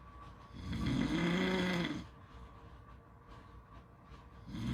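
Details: One drawn-out rumbling snore in sleep, then a quiet gap and the start of the next, recorded at a beach with faint outdoor background noise.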